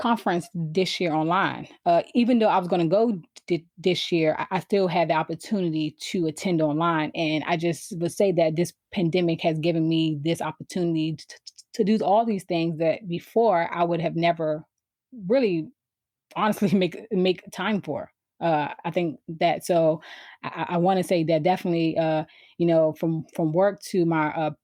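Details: Adult woman who has stuttered since she began to speak, around age four or five; stuttering.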